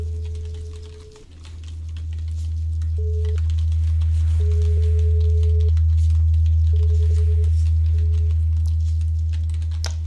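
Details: Steady pure beeps of varying length over a low hum, played through headphones in a simulated ASMR hearing-test roleplay, listener asked to report left or right, start and stop; imitation pure-tone audiometry beeps.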